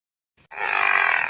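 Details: Pekingese dog: after a brief faint sniff, one harsh, fluttering, rattling breath from the small flat-faced dog; snoring.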